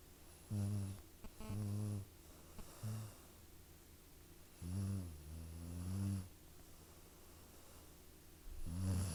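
Low, rattling snores, some short and paired, others longer, roughly 14 a minute with uneven spacing. Ordinary snoring in a sleeping cat.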